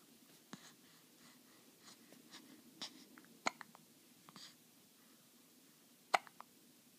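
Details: Baby with hiccups.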